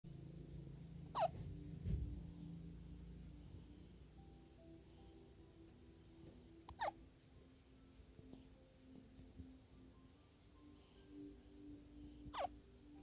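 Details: Hiccups: three short, sharp hiccups about five seconds apart, heard over quiet room noise and faint music.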